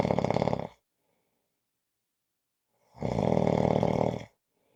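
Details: Loud, rough, rattling snores on the breath separated by quiet pauses: ordinary heavy snoring.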